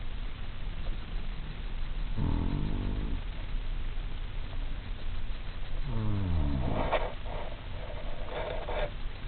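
Low, rumbling snores on breathing in, with a snorting sound at the end, over steady background hiss.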